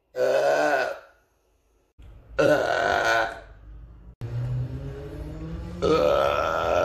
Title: Rülpsen in der S-Bahn 2 - mit Maske! || Burp in the train 2 - with mask!